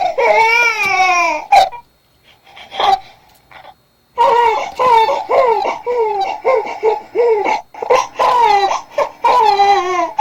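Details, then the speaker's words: Baby cries from overheating: short, breathy, panting bursts with an airy 'h' onset, almost like laughing, with no straining, unlike a gassy baby's cry. "자 우리 이제 더운 아기 소리 들어보셨는데 확실히 h 발음이 조금 있죠 그래서 하고 웃는 소리 들립니다"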